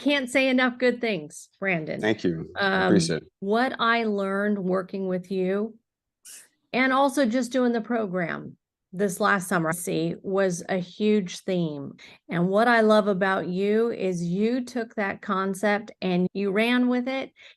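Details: Adult woman speaking; normal fluent speech.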